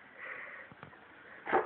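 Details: Shorkie (small dog) sneezing: soft sniffing breaths, then a single sharp, airy nasal burst, in a quiet room.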